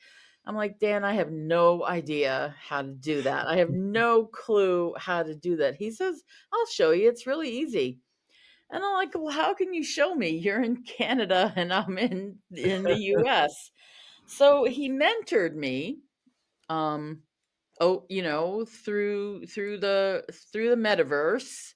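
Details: Adult woman who stutters; stuttering.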